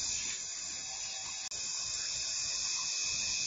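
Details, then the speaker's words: Arthroscopic drilling of the medial tibial plateau in a 56-year-old woman with varus deformity and bone-on-bone medial compartment degeneration; drilling at an angle about 1 cm deep: continuous high-pitched whirring hiss, briefly cut once. "So we're starting to drill now. So this is drilling at an angle, about one deep, about one centimeter, and leaving about 0.5 centimeter to 1 millimeter apart."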